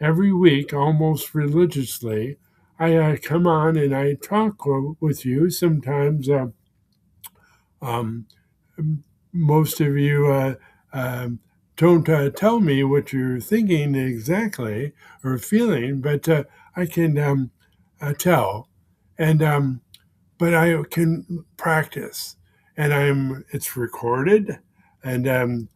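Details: Man with aphasia following a stroke, present for more than 16 years; aphasia.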